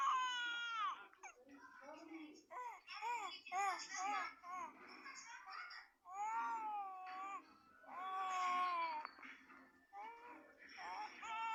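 High-pitched, wavering, tonal crying in broken bursts with short breaks between them; an infant-style cry, likely voiced for a character.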